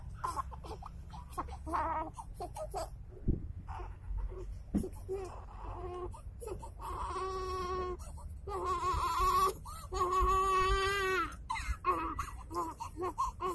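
Fussing that builds into drawn-out, rising wails of an infant cry, with short breaths between bouts; some room noise in the background.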